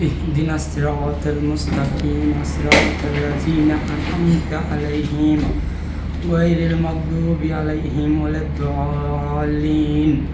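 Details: Voice of an adult man one week after surgical removal of a vocal fold polyp, confirmed as an inflammatory polyp, following long-standing hoarseness. He is reciting, and the patient reports his voice is much improved.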